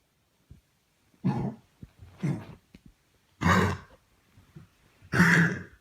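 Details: Dog (Canello, a porcupine-quill rehab dog, day 16 of rehab) with kennel cough, caught after another dog got it at doggie day care: four harsh, honking, throat-clearing coughs.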